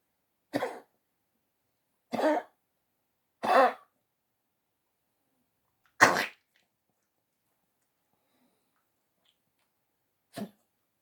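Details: Small poodle dog with congestive heart failure coughing: five harsh, honking, dry coughs at uneven intervals with quiet between them.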